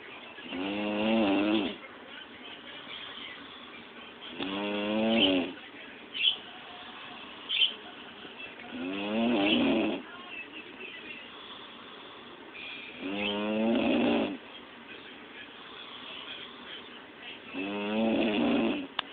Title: snoring